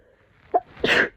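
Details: Person with a snotty cold, very sore throat and cough, who can't stop sneezing: a brief indrawn breath followed by one sharp, explosive sneeze.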